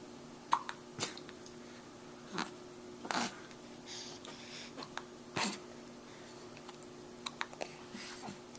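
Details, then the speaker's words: Hiccups in a 4-week-old infant, recorded on a Flip Video camera: faint, sharp catches at irregular intervals against quiet room hum. "And this that we have is with the hiccups. It's pretty cute."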